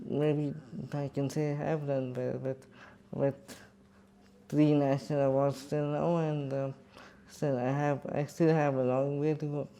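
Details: Adult man with cerebral palsy speaking in his own voice; dysarthria in cerebral palsy.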